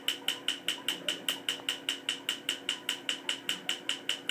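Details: Laser tattoo removal on the leg: rapid, even clicking pulses at about 150 a minute, each a sharp high snap, from the removal laser firing.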